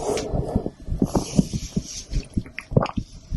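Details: Female heartbeat recorded with a stethoscope after her second blood draw in a week; soft, regular low thumps in paired beats, roughly 80 a minute, with some rubbing noise; an ordinary heartbeat.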